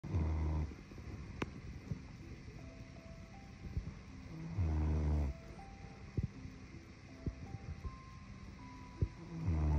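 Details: Bluetick Coonhound dog snoring while lying lazily asleep.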